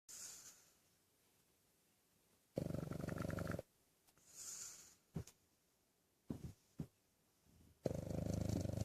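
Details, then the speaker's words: Sleeping dog snoring: loud rough snores alternate with quieter breaths and brief snorts until it is woken; ordinary snoring during sleep. "Hey, wake up, buddy. Hi. You were snoring."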